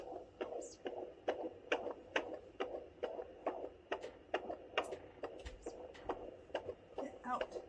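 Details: Fetal heartbeat on Doppler at 32 weeks in a fourth pregnancy: rapid, steady whooshing at about 136 to 139 beats a minute, within the normal range.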